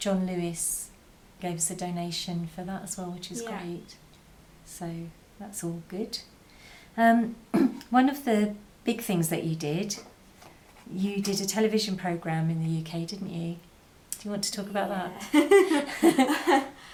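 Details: Adult woman; normal speech.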